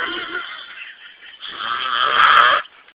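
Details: Male friend asleep and snoring: two rough, rattling breath sounds during sleep, the second louder and longer.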